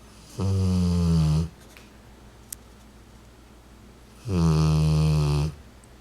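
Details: Rottweiler dog sleeping on owner's lap, 40 days after hemangiosarcoma diagnosis and splenectomy: two deep, steady, droning snores, each about a second long, about three seconds apart; ordinary snoring.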